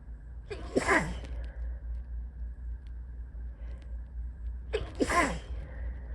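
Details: Two very sleepy sneezes while falling asleep, each a quick inward breath then a sharp burst of air, over a low steady hum; sneeze.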